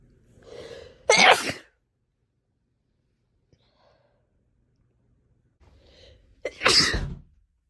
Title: Sneezing my heart out